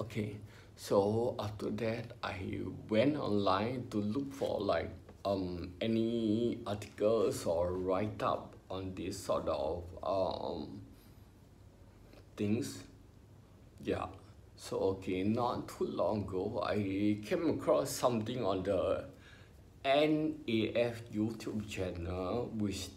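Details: Ataxic dysarthria in an adult male with spinocerebellar ataxia, diagnosed by a neurologist about 20 years earlier after trembling hands and an unsteady walk.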